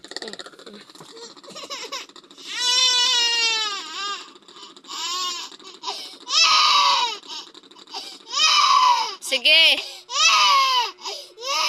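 Loud, high-pitched wailing cries in repeated bursts with catching breaths between; an ordinary infant cry.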